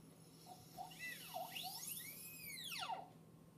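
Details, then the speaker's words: High-pitched whine of a high-speed dental handpiece, pitch sweeping up and down as a pear-shaped bur thins the mesial wall of a proximal box preparation on a typodont tooth, over quiet room noise. "if I just hold it the way I do and slowly bring it to the mesial, it's going to start thinning it out more so on the gingival than the occlusal, right?"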